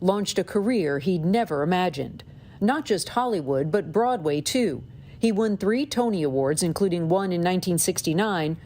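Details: Adult speaker, news narration; Normal fluent speech.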